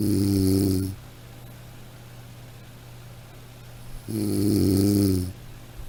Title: Snoring sound